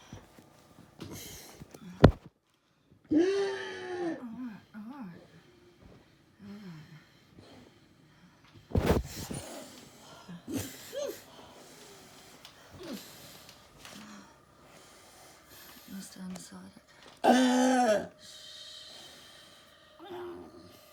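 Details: Noisy, high-pitched, harsh breaths between quiet stretches from a distressed child at home on 18 October, with oxygen saturation at 86%: stridor from a narrowed upper airway.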